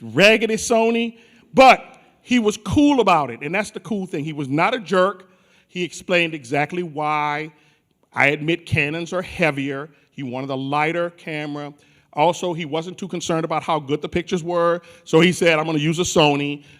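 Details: Adult male speaker; normal voice.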